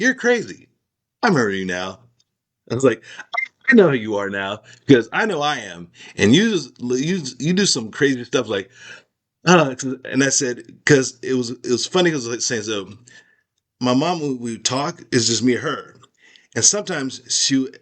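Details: Aphasia in an adult man whose skull was removed; the cause is not stated.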